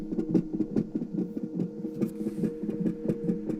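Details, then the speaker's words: Fetal heartbeat on Doppler during premature labour at 23 weeks 6 days, picked up after searching, recorded on a cell phone: rapid, regular pulsing about 143 beats a minute over a steady hum, beating super fast like a rabbit. "heart's beating super super fast so it sounds like a rabbit or something"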